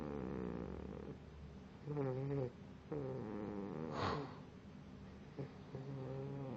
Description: Moose my pitbull puppy snoring